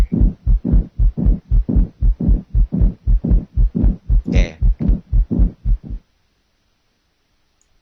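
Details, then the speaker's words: Simulated heart at 120 beats per minute with a pericardial friction rub, a harsh, scratchy rub layered on each rapid, regular beat. "now listen to a pericardial friction rub at the heart rate of one hundred twenty yeah this is"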